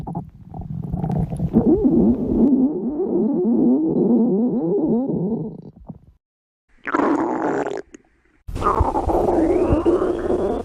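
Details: Loud, long gurgling and rumbling with rapid bubbling pulses, then further growls, recorded by a woman when hungry: borborygmi, hunger stomach growling.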